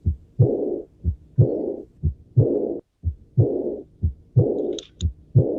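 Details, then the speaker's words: Aortic regurgitation teaching recording: regular heart sounds at about 61 a minute with a characteristic blowing diastolic murmur after the second sound; presented as the most characteristic diastolic murmur, always abnormal. "Ese es el soplo diastólico más característico que vamos a escuchar."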